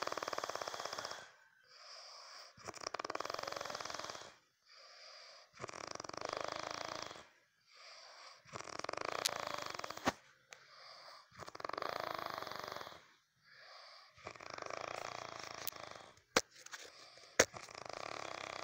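Loud, rough, rattling snores, one per breath, about 8 in under 20 seconds, with quiet gaps between them and a few sharp clicks.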